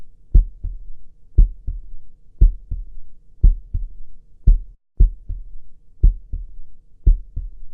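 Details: Steady, regular heartbeat at about 58 beats a minute, each beat a soft paired lub-dub thump, used as a sleep-aid sound effect in a clinic roleplay ASMR recording.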